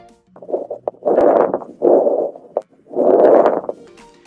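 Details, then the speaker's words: Simulated 45-year-old male virtual patient with three days of fever and cough, chest auscultation: repeated low-pitched bubbling, crackling sounds mostly over inspiration, coarse crackles (rales). "specifically we heard krakow sometimes referred to as real these are low pitch kind of bubbling crackling sounds which are mostly here over inspiration"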